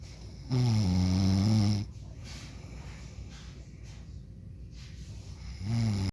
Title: My dad snoring for 1min and 28 sec